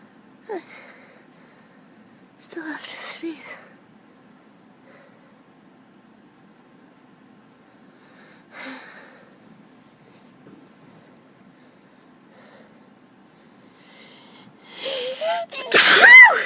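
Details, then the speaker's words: Sneezing from allergies, nose itching badly: quiet breathy catches building up to one loud sneeze at the end; an ordinary sneeze. "Oh, my nose just itches really bad."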